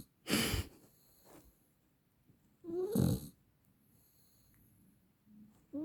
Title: Snoring lab pupper